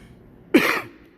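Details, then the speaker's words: Adult man gives a single short, harsh cough, acted for comedy in a COVID-themed skit about not being able to stop coughing. "matthew stop [ __ ] coughing you lied to the people stop coughing math matt's going to get abducted while i'm back there because he can't stop coughing"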